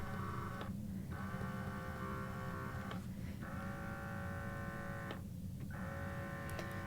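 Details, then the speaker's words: Dual motor electric breast pump on a high setting: steady motor hum with rhythmic pulling cycles separated by an unusually long break between cycles. "interesting thing about this pump is it had a really long break in between Cycles which isn't a bad thing but it's not necessarily my favorite thing either"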